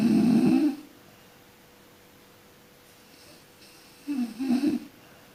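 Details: Person sleeping and snoring: two loud, rattling snores on breathing in, separated by about three seconds of quiet.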